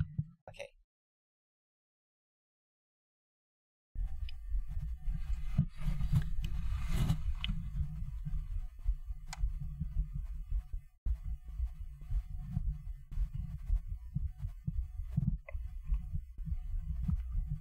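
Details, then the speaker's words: Own heartbeat picked up by a microphone held to the chest through the shirt: muffled, low thudding heartbeat. "You guys hear that? oh my gosh. There's the heartbeat. Oh my gosh. Oh my goodness. I was wondering like if it was audible through the shirt."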